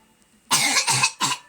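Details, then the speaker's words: Sick child coughing while knocked out (asleep); cough. "She's like knocked out coughing like that though."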